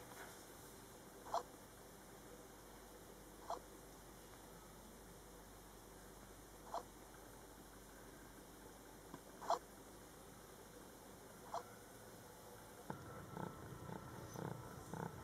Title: Cute Kitten Rocky has hiccups